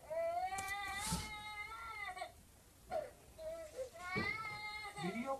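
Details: Sound-effect recording: an infant cries in several high-pitched, wavering bursts separated by brief breaths and whimpers; infant crying.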